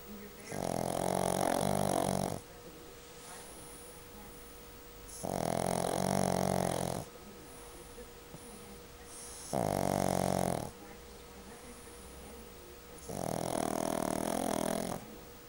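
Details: Patient recovering after an operation, asleep: four long, rattling snores with quieter breaths between, about 16 a minute, faint steady room hum; snoring.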